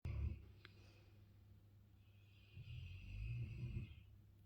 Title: Snoring dogue de bordeaux, lazy big dog.